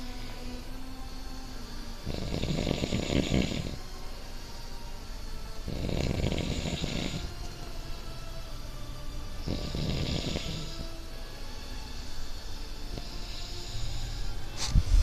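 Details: Snoring while asleep on a living room couch: deep, rough, rattling snores recurring about every four seconds, roughly 15 breaths a minute.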